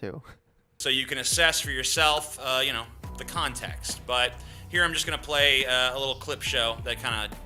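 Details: Adult male speaker; typical speech.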